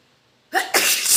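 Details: After a quiet moment, a sudden voiced onset breaks into a long, hissing, spray-like burst; a wet sneeze.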